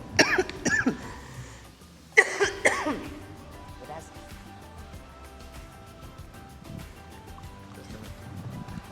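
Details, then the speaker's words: Adult at a press conference saying their throat hurts: two brief bouts of coughing and throat clearing, then soft background music. "[笑][咳嗽]不好意思，我嗓子疼。"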